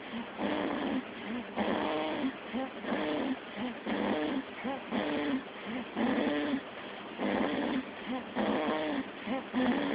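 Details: Callum throwing his head up while asleep: repeated short, whistling, wheezy, squeaky snores roughly every few seconds over steady background hiss; snoring.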